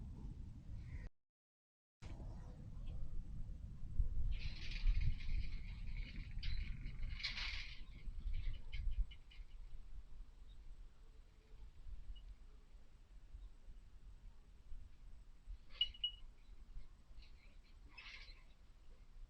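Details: Stethoscope on the flank of a Nigerian Dwarf goat standing calmly in a barn during a rumen check: low rumbling and gurgling of normal rumen contractions.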